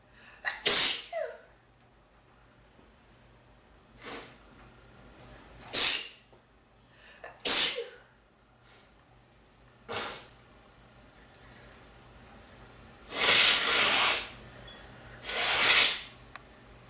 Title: Sneezing and Nose blowing at his best!